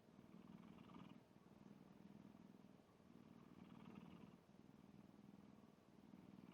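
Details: Black cat snoring while asleep.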